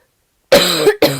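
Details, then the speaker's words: Two quick coughs from an adult woman while talking, the first longer and voiced, the second brief; she then says she is taking a sip because she is coughing. "Excusez-moi, je bois un petit coup parce que là, je tousse."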